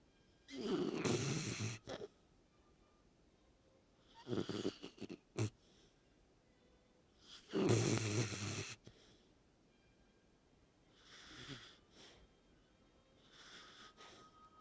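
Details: Five rough, rattly snoring breaths in about fifteen seconds (about 20 per minute) from a sleeping Corgi that snores most nights; later breaths softer, quiet room; snoring.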